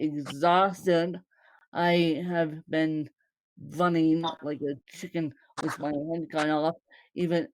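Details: Woman born with cerebral palsy, speaking; possible dysarthria, though no speech disorder is named.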